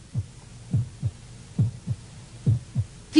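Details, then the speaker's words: Regular low paired heartbeat thumps at about 68 beats per minute, illustrating a normal resting heart rate of 60–80 beats per minute; normal heartbeat. "a pesar de ello en reposo un corazón normal late de 60 a 80 veces por minuto más de 100 mil veces al día"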